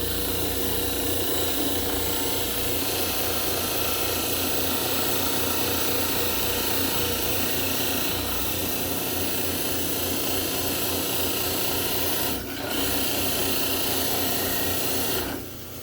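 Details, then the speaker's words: Dental model trimmer giving steady loud grinding and rasping against a plaster study model (diagnostic cast) while the model is held by the teeth, with most pressure on the back to level the lower side. "We need to put most of our pressure down to get more off this back to level it. So we're going to set it in. We're going to hold the teeth."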